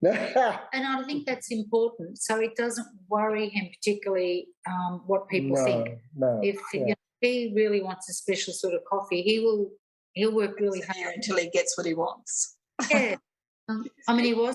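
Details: Adult woman speaking; normal speech.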